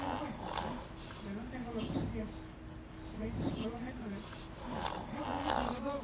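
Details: Brachycephalic dog that ingested grass and later vomited, with grass fragment lodged in the right choana; repeated harsh, rasping snorts of reverse sneezing, with sneezing and nasal discharge.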